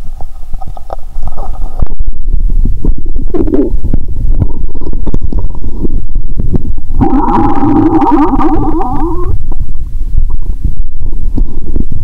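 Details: Stethoscope placed high near the heart after drinking cola with Mentos, still picking up the stomach: loud low rumbling and gurgling with bubbling stretches; ordinary bowel sounds (borborygmi).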